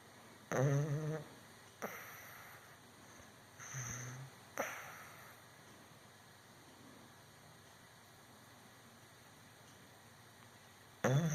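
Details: Sleeping dog snoring: a few low rattling snores and sniffs, with steady room hum between them.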